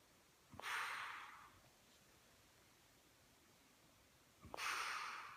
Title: Loud snoring